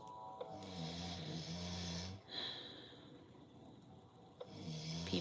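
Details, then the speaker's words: A man's low, buzzing snores on two breaths in, heard under soft background music; snoring. "can you guys hear the music over his snoring"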